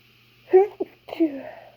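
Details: A short two-part sneeze, a catch then a drawn-out 'choo', in a quiet room; an ordinary sneeze.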